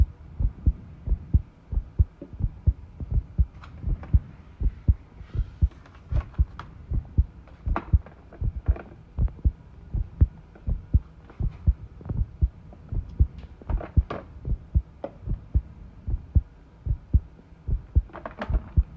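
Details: Heart sounds recorded while tidying a room, arrhythmia noted: heartbeat about 80 a minute with uneven spacing between beats, occasional background clatter; arrhythmia.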